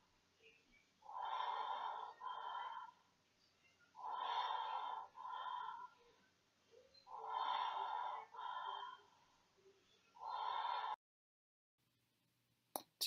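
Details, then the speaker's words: Intubated newborn in NICU on ventilator: regular ventilated breaths, about 20 a minute, each a loud rushing in-and-out pair, heard through the SonarMed AirWave endotracheal tube monitor microphone; breath sounds via endotracheal tube monitor. "We talked about before that you can hear the breath sounds using the SonarMed airwave, and that can be also very powerful and a very powerful tool."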